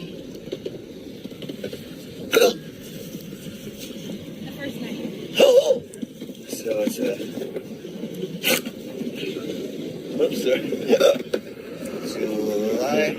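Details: Adult with disabling intractable hiccups, recorded outdoors in 2020 shortly after a 32-hour episode: abrupt, sharp hiccups recurring every few seconds over road and engine noise.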